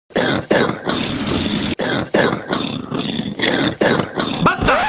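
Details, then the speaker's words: Simulated cough in a comedy skit: repeated harsh, forced coughing bursts in quick succession; the character's cough is said to be triggered by laughing. "voy a dar algo para esa tos. Tomate este remedio de hierbas que te hice para la tos."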